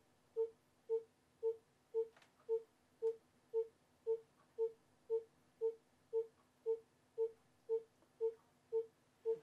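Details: Educational fetal monitoring rhythm example 3: steady, evenly spaced monitor beeps at about 115 per minute, tracking the fetal heart rate.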